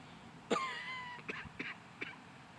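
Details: A single throaty cough followed by a few short throat-clearing bursts in a quiet room from a person who says they are sick and very tired.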